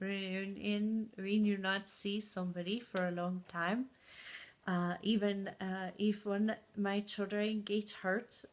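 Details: Adult woman with aphasia and foreign accent syndrome caused by a stroke four years ago, with memory problems; good and bad speaking days, accent heard as from places like Scandinavia or Ireland.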